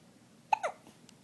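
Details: Young child with hiccups: a single sudden hiccup, a sharp catch of breath ending in a brief squeaky voiced sound, in a quiet room.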